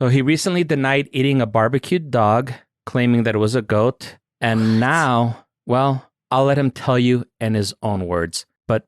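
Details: Adult male narrator; Normal speech.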